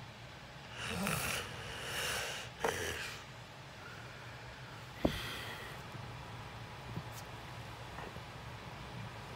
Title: 💚 Watch me sleep #29: 😭💦 An Apologetic Slumber 😪😴 Loud Thicc Snoring 💤 Lucid REM sleeping ASMR